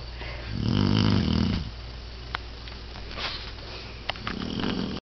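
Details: English Setter dog snoring: a loud, deep, rumbling snore on the in-breath, then a quieter second one starting.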